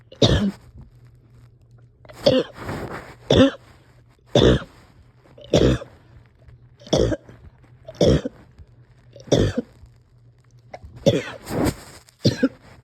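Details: Person coughing with some breathing struggles, having a hard time resting or getting comfortable: about twelve harsh coughs in irregular single bursts and pairs with short gaps, in a quiet room; a persistent cough.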